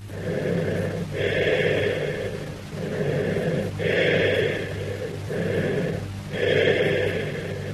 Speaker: Note the low-pitched hollow character. Also note the characteristics of bronchial breath sounds. That is, expiration is louder and higher pitched than inspiration.